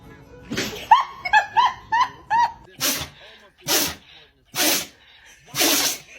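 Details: Dog sneezing: a few short yips, then four sharp, breathy sneezes in a row.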